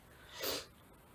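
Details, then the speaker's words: A single soft, rasping, snuffly breath from a pet cat sleeping in its bed, a long-time snorer, against quiet room noise: cat snoring. "i don't know if you can hear like the snoring noises but my cat is snoring little rose she's snoring away in her bed next to me it's really cute she's always been a snorer"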